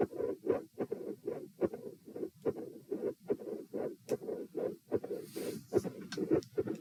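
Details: Midsystolic murmur with split S2 and a murmur at S2, auscultated at position T during a posture stress test (lying, sitting, standing, then lying again).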